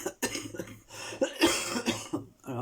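A brief fit of several harsh, rough coughs in quick succession from an adult woman recovering from flu, in a quiet small room.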